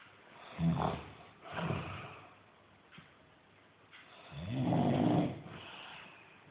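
Low rumbling, snorting snores with each breath, three snores heard over a few seconds; ordinary snoring.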